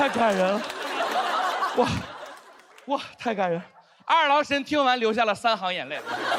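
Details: Male stand-up comedian who says he has a stutter, performing on stage; stuttering.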